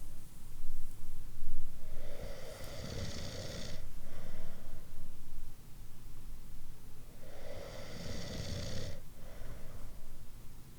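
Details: Snoring from a sound library of different snoring types: two loud, rough, fluttering snores on inhaling with quieter breathing between.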